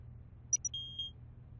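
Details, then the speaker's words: Two short high chirps, then two longer electronic beeps over low room hum: an oral digital thermometer held under a child's tongue during a doctor's check-up in a cartoon, signalling the reading is done; digital thermometer beep. "Now keep this under your tongue and hold still until you hear the beep."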